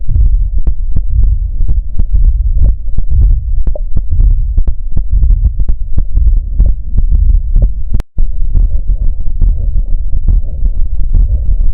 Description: 🩺Unlike systolic murmurs, diastolic murmurs are always a pathological auscultatory sign.